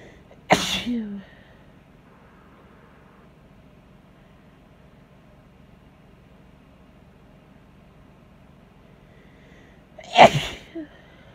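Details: Sneezing, described as induced cold sneezes: two sharp explosive sneezes about ten seconds apart in a quiet room, each with a brief vocal trailing sound.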